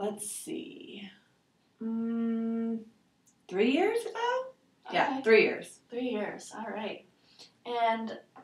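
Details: 72-year-old man with aphasia after a stroke in July 2003, with bilateral sensorineural hearing loss, doing a picture description in Western Aphasia Battery-Revised testing; aphasia with word-finding difficulty.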